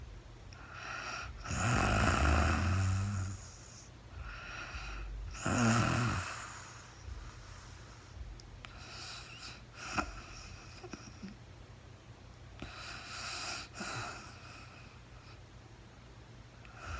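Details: Real-time sleep recording of a woman snoring, no talking: irregular rattling snores with hissy breaths between and faint room hum; adult snoring during sleep.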